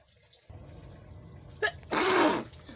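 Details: Early-morning sneeze from a person with itchy eyes during a nose-blowing session: a short sharp intake, then one loud burst sneeze, with faint room noise and dripping in the background.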